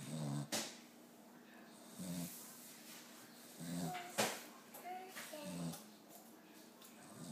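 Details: Boxer dog snoring on the couch: low buzzing snorts about every one and a half seconds, roughly 40 a minute, with a few sharp snuffles between.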